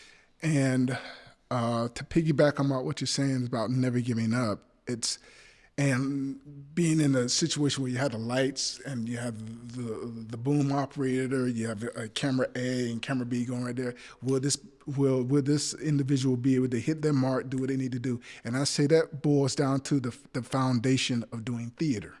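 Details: Adult male actor who describes having a speech impediment and stammers, with part-word and whole-word repetitions in conversation; stuttering.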